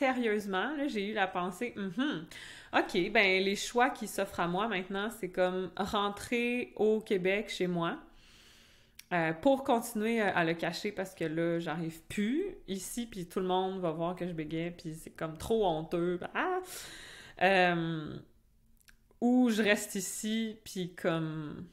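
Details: Adult French-speaking woman who stutters, in conversational speech; real stuttering.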